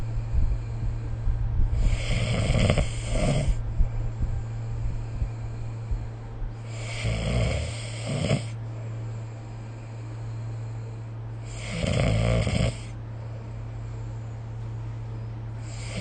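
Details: Snoring during sleep, recorded with the SnoreLab app: rough, rattling snores with each breath, about every five seconds, over a steady low room hum.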